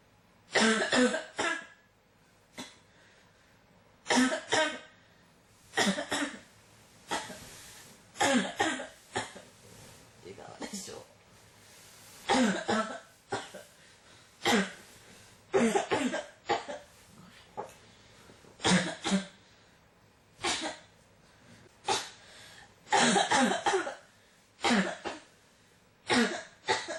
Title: 咳が止まらない 15 cough